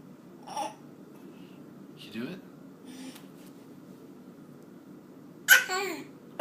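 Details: Playful sneezing attributed to allergies: short breathy bursts ending in one louder sneeze in a quiet room.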